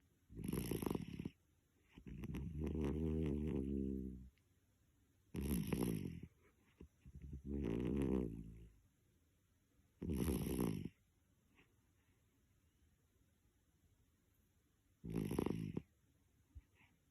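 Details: Male Toy Poodle snoring in deep sleep; owner asks whether dog snoring is a sign of illness. Irregular breaths: sharp, hissy snorts alternating with longer rumbling snores, about six in seventeen seconds.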